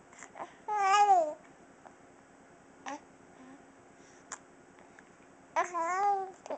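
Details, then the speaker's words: A 6½-week-old infant coos in two drawn-out, sing-song sounds with a few short, abrupt catches between them, in a quiet room: hiccups during babbling. "You got the hiccups."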